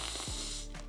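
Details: Demonstration of a lateral lisp, in which air flows around the sides of the tongue, producing a slushy sound; this type is not part of normal speech development.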